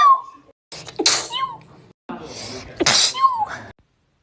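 Two loud sneezes, each with a sharp indrawn breath and an explosive, hissing burst and a voiced cry; ordinary sneezing.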